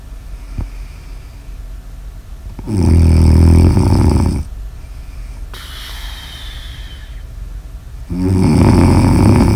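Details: Loud, deep, vibrating snores on the in-breath, each under two seconds, with quieter breaths out between and steady background hiss; snoring recorded for ASMR.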